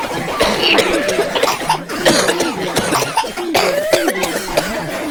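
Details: People coughing aboard an Amtrak train: repeated short, harsh coughs amid loud rumbling train noise and background voices.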